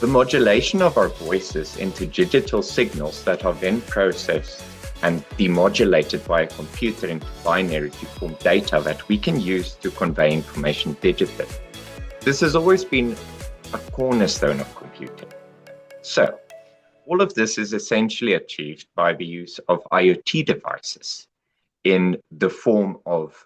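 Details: Adult male speaker; ordinary speech.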